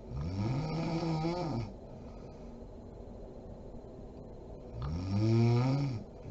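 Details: Two loud, low, rattling snores on breathing in from a sleeping adult woman (mom), separated by a quiet pause; ordinary snoring.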